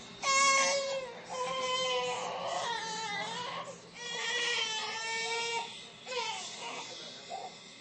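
Loud, high-pitched newborn cry in repeated wailing bursts with brief pauses for breath, tapering toward the end; ordinary infant crying in a small room.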